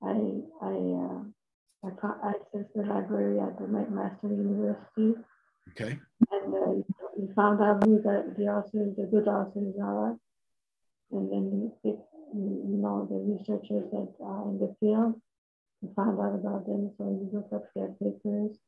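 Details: Dysarthria in a woman with multiple system atrophy (parkinsonian type) diagnosed in 2019; motor symptoms came first, then handwriting decline, then speech became badly affected.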